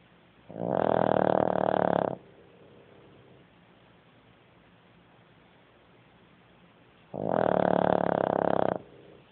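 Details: Two long, loud rattling snores about five seconds apart, each under two seconds, with quiet breathing between; snoring.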